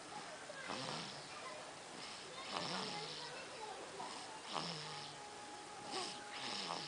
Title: snoring